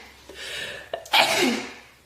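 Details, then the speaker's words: Young woman with allergies, sneezing while talking on camera: a short indrawn breath followed by a single loud, explosive sneeze. "why am I always sneezing in videos oh my God send help"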